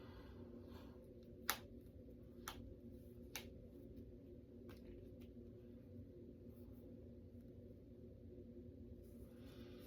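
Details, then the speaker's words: Person deliberately cracking their fingers and knuckles: three sharp, brief pops over a quiet hum of room noise; harmless knuckle cracking. "I can feel my fingers and knuckles now because I'm cracking them. I can feel them."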